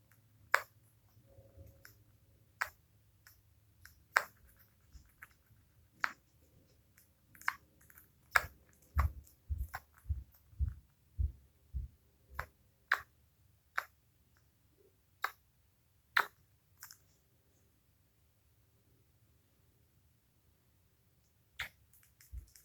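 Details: Short, sharp clicking hiccups recurring every one to two seconds in a quiet room, with a few softer thumps; eyes boggle.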